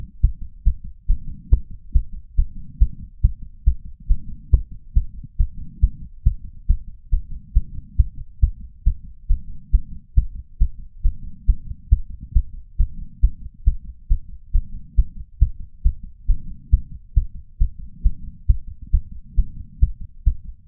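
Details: Racing, regular pounding heart of a 31-year-old man after exercise, recorded with a lapel mic and small ceramic bowl, about 150 slowing to 130 bpm with soft breath sounds: sinus tachycardia after exercise.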